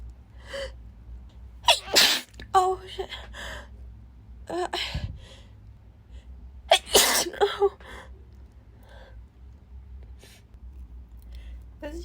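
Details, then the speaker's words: Sneezing fit in a woman who says she never sneezes and that these came out of nowhere: three forceful sneezes, each preceded by a sharp gasping in-breath, with brief speech between; sneezing. "yeah sorry sorry about that those came out of nowhere really they came out of nowhere"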